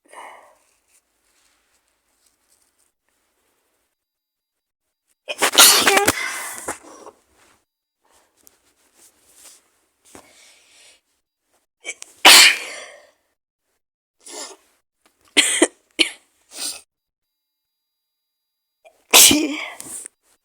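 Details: Simulated cold scenario in which the speaker says they are really sick with an awful cold, maybe flu, with fever and congestion: several sharp sneezes and short wet, congested coughs separated by quiet pauses.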